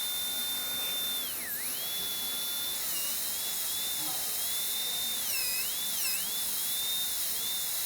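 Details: High-speed dental drill with a round-ended diamond bur refining an all-ceramic crown prep on tooth #9 (rounded shoulder) near the gum; high-pitched steady whine, dipping in pitch each time it cuts the tooth.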